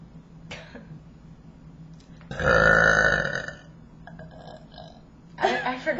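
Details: One long, loud, throaty deliberate belch lasting about a second, with brief softer voiced sounds before and after, from the "longest burp" round of a burping contest.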